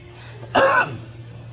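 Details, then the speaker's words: An adult man who reports about 10 days of frequent coughing since tooth pain gives a single short, harsh cough burst over a low steady hum: cough. "I'm coughing a lot. I'm coughing too much. I don't know. Am I breathing too much? I've been coughing like about 10 days right now since the tooth pain."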